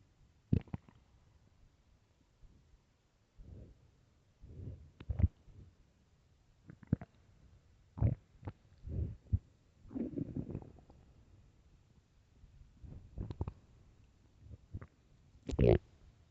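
Irregular gurgles, squeaks and rumbling bursts separated by quiet gaps: loud stomach growling from an empty stomach, a normal finding.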